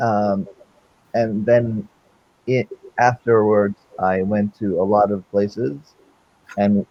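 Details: Male with non-fluent aphasia since a stroke during heart valve surgery in 2007, initially able to produce only two single words; non-fluent aphasia (post-stroke).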